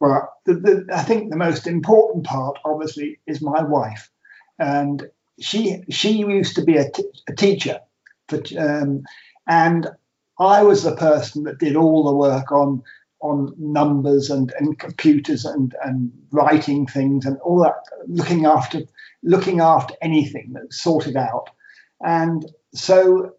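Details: Man with aphasia after two strokes: trouble naming things and starting conversations, and numbers come out back to front.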